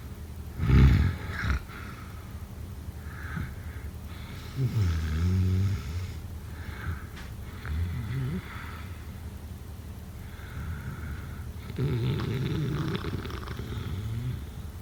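Irregular deep, rumbling snores with snorting catches and quieter breaths between, from a sleeping person.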